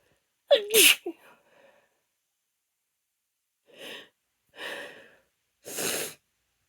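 One loud voiced sneeze, then three softer hissing sneezes in quick succession: a run of allergic sneezes.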